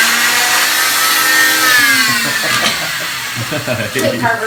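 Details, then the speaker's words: Oscillating cast saw cutting down the side of a girl's leg cast: loud steady buzzing whine, pitch dipping as the vibrating blade bites into the cast. "see how it's just vibrating y so that way if it hits your skin it'll move with it but when I hit the cast cut it off"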